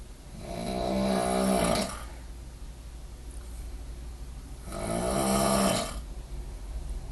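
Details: Roommate's extreme snoring: two loud, rattling snores on breathing in, each about two seconds, with quiet breathing out between, roughly eight to nine breaths a minute; heavy snoring.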